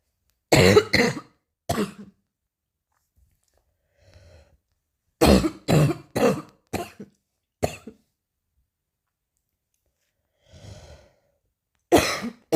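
Short clusters of dry coughs and throat clearing, about ten coughs with quiet gaps between them.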